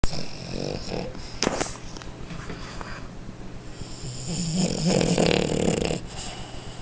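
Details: Sleeping French Bulldog: low rattling, snorting snoring breaths that grow louder toward the end; very loud snoring.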